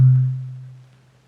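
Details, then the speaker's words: Role-play ASMR ear exam for tinnitus and dizziness: a tap then a low, steady hum fading over about a second as the bigger tuning fork is struck for the Weber hearing test. "all right let's try the bigger tuning fork"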